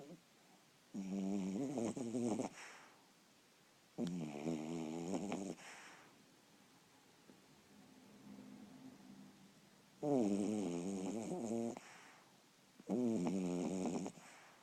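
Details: Sleeping dog, eyes partially open: loud, rough rattling snores on each breath with quieter breathing between, about ten a minute; snoring.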